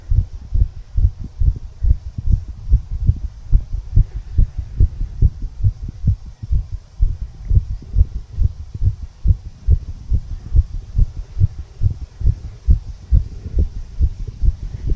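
Regular paired heart thumps at about 70 beats a minute, heard at the lower left breastbone.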